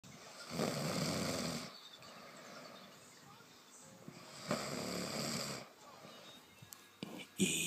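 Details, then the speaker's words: Sleeping friend snoring loudly, nose suspected blocked by the listener; two long, rough, rattling snores with quieter breathing between, about 8 breaths a minute. Real audio. "why are you snoring so much huh what's wrong with you open your mouth stop snoring man your nose is clearly blocked this [ __ ] is ridiculous I cannot sleep in with this noise it's like a earthquake"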